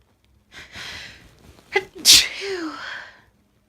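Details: Single sneeze after an indrawn breath, sharp and explosive with a trailing voiced release, preceded by complaint that it tickles badly; an ordinary sneeze.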